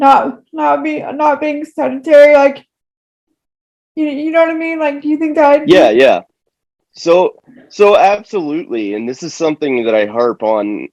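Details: Woman with moderate-to-severe cerebral palsy affecting all four limbs, who says her talking is affected; dysarthria (cerebral palsy).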